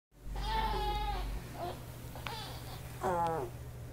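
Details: Infant during tummy time: short, fussy cries and whimpers over a low steady hum; infant cry.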